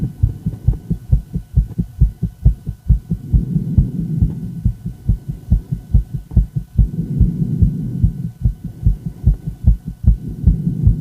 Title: Female heart, fast heart, ecg, heart sound